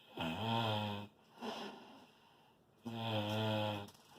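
Two loud, deep, buzzing snores with a softer breath between them: heavy, loud snoring.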